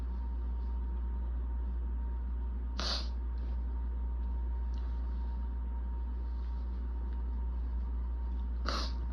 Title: I’M BACK! With BAD allergies! Itchy, desperate sneezing fit w/building congestion (recorded 3/21)